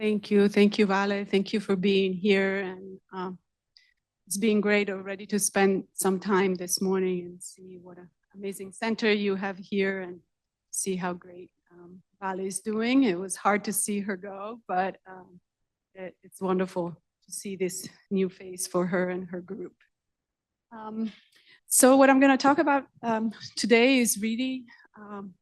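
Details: Adult woman speaking; normal speech.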